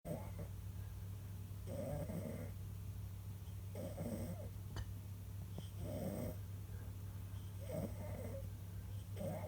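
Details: Loud snoring during sleep: steady, rhythmic snores about every two seconds, roughly 30 a minute, over a constant low hum.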